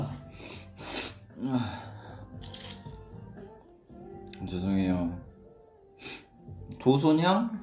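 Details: Sneeze from a young man during a live stream, just after spraying perfume.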